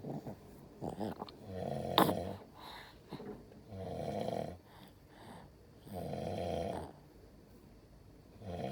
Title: He snore like a monster🤭 #baby #babyboy #cutebaby #cute #quatro #sleepyface